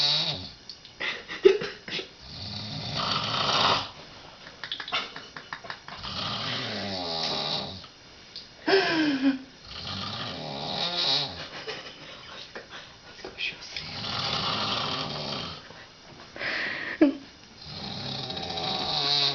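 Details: Woman in her 50s asleep at night, recorded 2006: loud, harsh, rattling snores repeating over several breaths with occasional snorts; heavy snoring.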